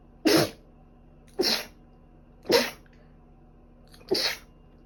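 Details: Four sneezes in a row about a second apart, with quiet room hum between them; repeated sneezing during a bad cold with allergic rhinitis, runny and stuffy nose, and five days of fever.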